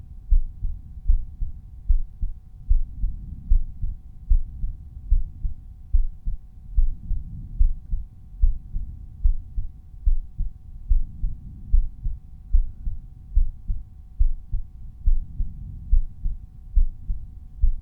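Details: Resting heartbeat recorded at one of several chest auscultation points (Erb's point, tricuspid, mitral, pulmonary, aortic), volume normalized per point; normal heart sounds.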